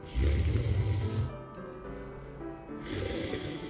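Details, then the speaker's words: Sleep sound recorded with a smartphone snoring app; low rumbling snore with a quieter pause between breaths from a sleeper with a stuffy nose: snoring with nasal congestion. "If it's too stuffy, you feel suffocated You can't breathe well Then you open your mouth without realizing it"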